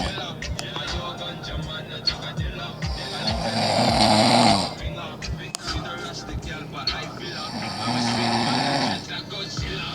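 Loud, rough snoring with long rattling inhales over background music and noise.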